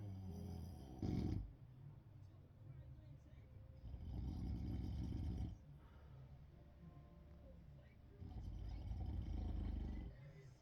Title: Tired dad #snoring #sleeping